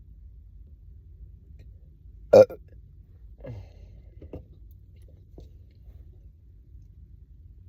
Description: I chugged a soda after not eating all day, so it’s a full video full of bloated burps and hunger gurgles every so often, especially the kind that you hear riiiiiight before a burp comes up 😵‍💫 #stomachgrowling #burping